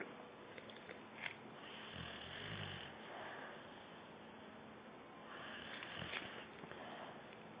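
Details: Soft, irregular snoring breaths with nasal snorts in a sleeping person who may be dreaming or sleep-talking; snoring.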